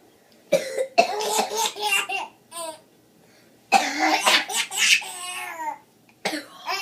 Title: Baby laughing at his sister coughing